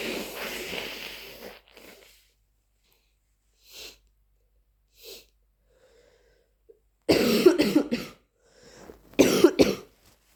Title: Flu coughing fits and nose blowing